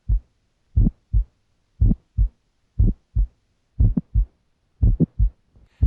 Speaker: Ejection clicks are high-pitched and result from faulty opening of the semilunar valves. A pulmonic click is heard best in the pulmonic area during expiration. An aortic click is less sharp, is heard best in the aortic area, and is equally loud during inspiration and expiration.